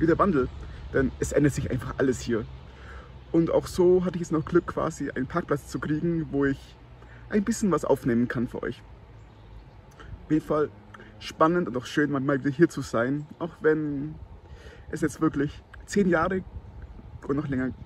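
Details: Adult man who stutters; he reports his stuttering worsens in cold winter weather and when he has a cold; stuttering.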